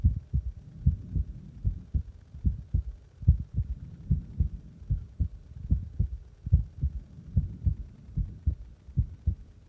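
Regular low thumping heartbeat at about 73 beats a minute, paired beats clearly heard.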